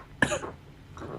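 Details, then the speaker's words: Ill adult whose cough returned and who says they sound like a frog: a single abrupt cough burst with a rough, slightly wet tail in a quiet room. "i'm sorry that you all have to hear my coughing it's really gross"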